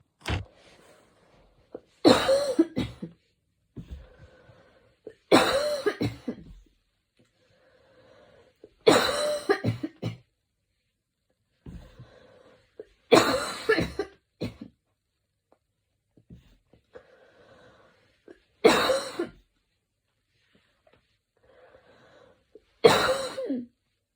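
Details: Person lying on their back in the evening: repeated bouts of forceful coughing with slightly noisy breaths drawn in between, a sustained coughing fit.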